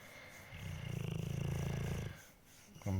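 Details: Pitbull dog Pete snoring loudly while asleep: one long, deep, fluttering snore on the in-breath in a quiet room.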